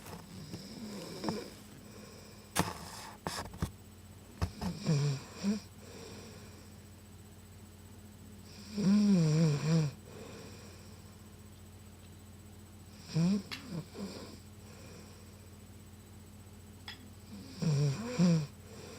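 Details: A female friend snoring loudly while sleeping: loud, rough snores about every four seconds, roughly 14 a minute, over a steady low hum.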